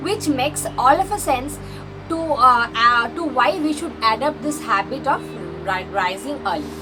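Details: Woman who presents herself as a stammering vlogger, speaking in real life; stuttering.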